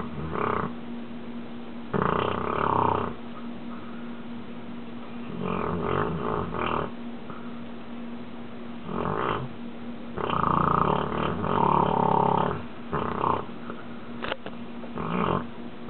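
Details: Female golden retriever snoring during her daily nap: rough, rattling snores in repeated bursts, about eleven over sixteen seconds, with a steady background hum.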